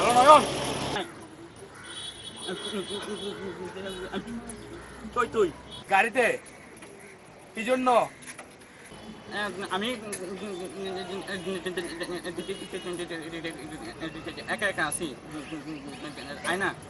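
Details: Young man acting a stammer for a comedy skit; the makers state he does not really stutter. Stuttering (acted).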